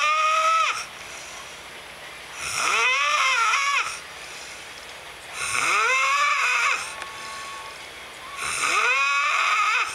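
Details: Man snoring: loud, high-pitched, whining snores about every three seconds, roughly 20 a minute, each rising and wavering in pitch, with quiet breathing between.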